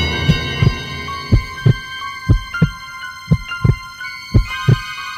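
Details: Heartbeat sound over soft sustained music: steady paired lub-dub thumps at about 58 beats a minute; slow, regular heartbeat.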